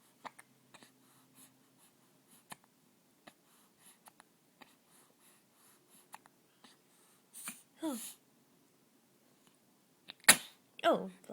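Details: Infant's first sneeze while having hiccups: soft clicks and small breaths, then a couple of tiny sneeze bursts in a quiet room.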